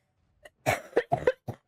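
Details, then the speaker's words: Adult female smoker, unscripted, coughing while gaming; she mentions an allergy. A short fit of about five harsh, rough coughs in quick succession, typical of a smoker's cough. "Жесть. Чёртов кашель. Блин. Или вам слышно только мой чертов кашель?"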